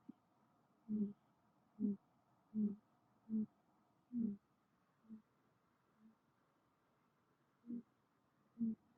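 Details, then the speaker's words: American Shorthair cat snoring in deep morning sleep, part of the clip sped up 2–4x: short, soft, regular snorting breaths in a quiet room. "The cat snoring is proof that you are sleeping soundly."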